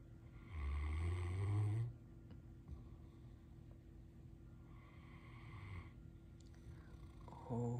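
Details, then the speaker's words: Great Dane napping on a sofa, snoring while dreaming and wiggling nose and toes: slow, rumbling, throaty snores on breathing in, with quiet pauses between. "Is that a nice snore? It's a very pretty snore. This is the snore cam."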